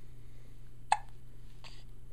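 A single sharp, abrupt hiccup sound against quiet room noise, followed by a softer after-sound.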